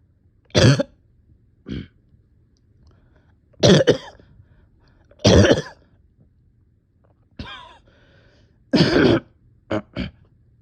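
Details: About seven harsh, dry coughs and throat-clearing bursts with pauses, from a physically and mentally exhausted person with on-and-off chest and stomach pain; repeated coughing.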